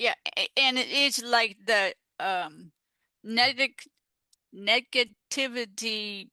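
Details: Aphasia after a stroke in an adult woman, a stroke survivor now involved in aphasia peer support.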